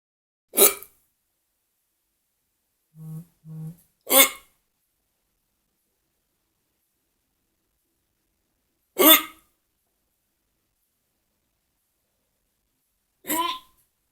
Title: Hiccups for you......anony mous